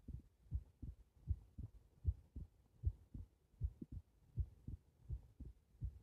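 Steady low thumping heartbeat, about 77 beats a minute, with a faint hum behind it.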